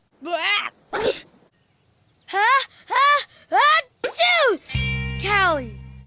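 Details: Cartoon dog character's acted, voiced sneezes (simulated): short rising-then-falling bursts with a music sting near the end.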